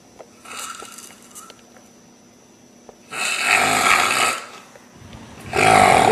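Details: Loud, harsh, rattling snores in two long bursts with a quiet pause between, over faint steady room hum; snoring.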